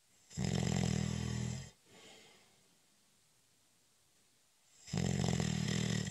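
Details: Long, deep, fluttering snores on the in-breath during a short, light nap (cat nap), separated by quiet pauses of about three seconds; snoring.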